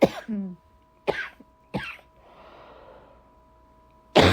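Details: Four harsh, separate cough bursts with quiet breathing between them, recorded during a December cold: coughing.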